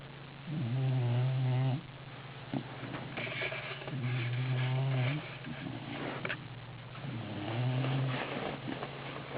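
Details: Three long, low, rattling voiced snores about six seconds apart, with softer noisy breaths between; snoring during sleep.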